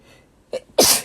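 A brief in-breath followed by a sharp, explosive sneeze; an ordinary sneeze.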